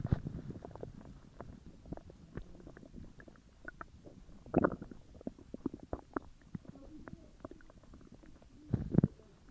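Irregular low gurgles and rumbles with a few louder bursts: active bowel sounds of digestion after a large meal.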